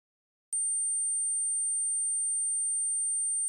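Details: Simulated tinnitus, one of the common tinnitus sounds: a steady, very high-pitched pure tone.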